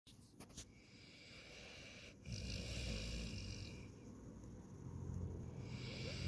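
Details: Turner, a pet sleeping right beside the recorder, snoring with a low, rumbling, fluttery noise on slow breaths, faint room noise behind; ordinary snoring.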